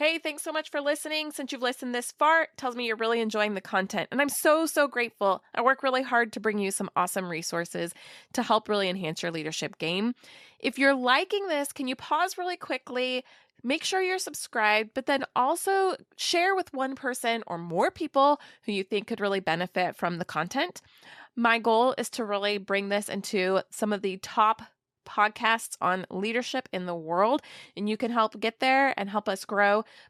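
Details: Adult woman speaking; typical speech.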